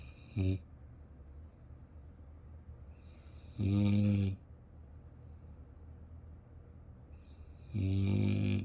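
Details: Slow, buzzing snores on each breath, about 14 a minute, with quiet pauses between, from a sleeping puppy; puppy snoring.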